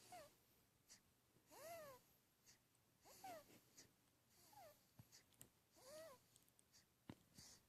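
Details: Elliot snoring: repeated squeaky, whistling snores on each breath, about every one and a half seconds in a quiet room, during sleep: snoring.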